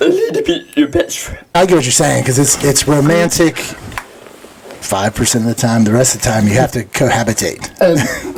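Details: Adult speaker; typical speech.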